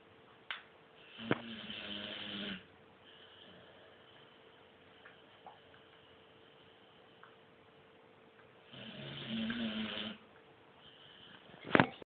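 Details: Female (called good girl) snoring: two long, rough, rattling breath sounds about seven seconds apart over a steady low room hum.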